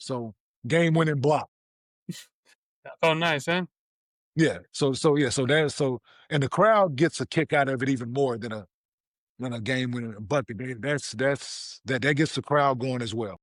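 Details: 47-year-old man, a former professional athlete, with stuttering since childhood.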